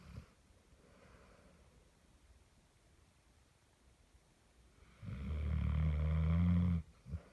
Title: My dog snoring for two minutes